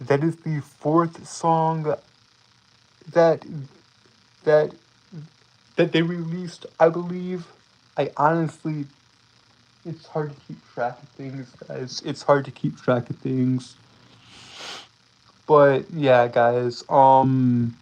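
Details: Self-reported speech impediment in a male streamer, who says it keeps him from speaking clearly; stuttering-like disfluency with repeated words and phrases.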